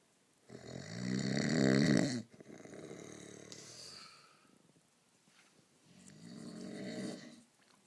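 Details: Snoring in sleep: a loud, vibrating snore on the in-breath, then a softer breath out and a second, quieter snore; snoring.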